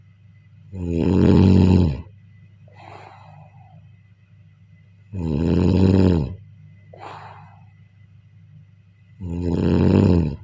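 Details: Three loud, vibrating inspiratory snores during sleep, about 14 a minute, each followed by a soft breathy exhale over a low steady hum; snoring.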